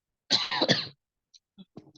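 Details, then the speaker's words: Speaker with a mild cough during a math lesson: one short, loud cough with a harsh, throat-clearing quality, then near silence; an ordinary dry cough. "Afan ya, sudah agak batuk. Jadi mungkin nanti beberapa kali terdengar suara batuknya."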